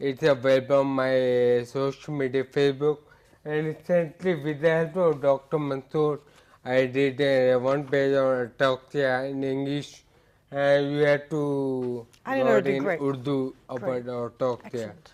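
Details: Adult man with ataxia impairing speech, balance, posture and gait; ataxic speech described as scanning; ataxic dysarthria.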